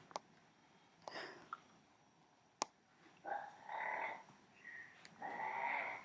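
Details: Adult man snoring: loud, rough, fluttering snores on the in-breath, with a few faint clicks in between and room noise in the background.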